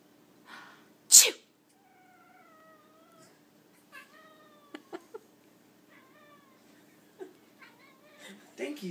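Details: One sharp, explosive adult sneeze, followed by a pet cat's drawn-out meows and chirps.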